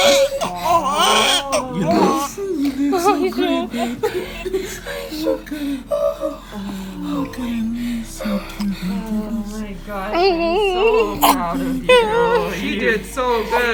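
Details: Newborn boy just after birth in the delivery room: repeated high, wavering crying bursts with adult voices around; normal first cry; newborn cry.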